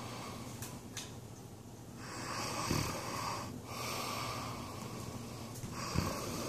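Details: Rough, rattling breaths during sleep with noisy, irregular snorts; snoring.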